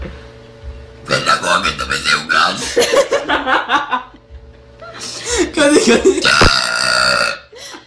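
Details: Girl burping: long, loud, gravelly belches in two drawn-out bursts, with faint background music.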